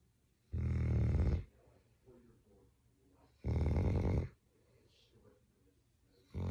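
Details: English springer spaniel dog snoring very loudly, human-like: deep, rattling snores about three seconds apart, roughly 20 a minute, with quiet breathing between them.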